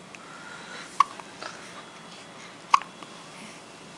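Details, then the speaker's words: Two sharp, brief hiccups about two seconds apart with faint small clicks between them, from a cat with hiccups, in a quiet room. "What you filming me for? I had the hiccups. So what?"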